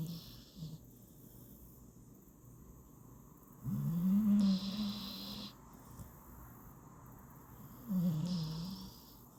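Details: Sleepy Staffy (bully breed) rescue puppy snoozing: slow, rough, droning sleep breaths and two clear snores of a few seconds each, over faint room noise; snoring.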